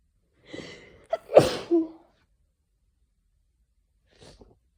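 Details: Sneezing from hay fever during an afternoon sneezing fit: a quick inward breath, then one sharp explosive sneeze and a brief trailing breath.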